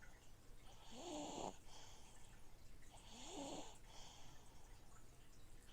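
Two rough, rising snoring breaths about two seconds apart over the steady gurgle of a fish tank filter; snoring in sleep.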